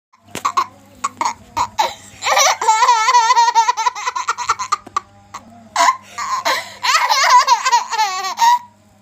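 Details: A child laughing in long, hard bursts that break into short coughs between laughs; coughing brought on by laughter.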